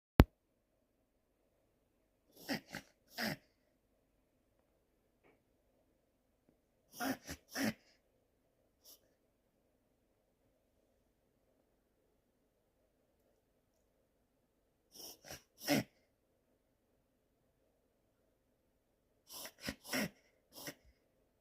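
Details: A dog gives brief groups of sharp, noisy snorting breaths in a quiet room: reverse sneezing, described as harmless.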